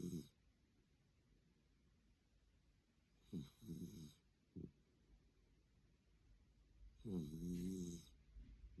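Short, low, snorting and fluttering breaths at irregular intervals, the last one longer and louder; a small dog snoring.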